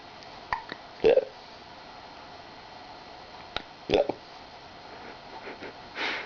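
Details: Hiccups: two short, sharp gulping sounds a few seconds apart with faint clicks between them in a quiet room.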